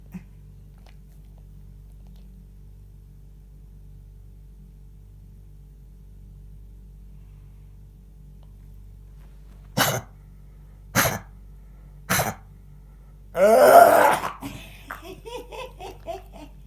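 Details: Dog coughing: three short, sharp cough bursts about a second apart, then a longer harsh bout and a few small snorts.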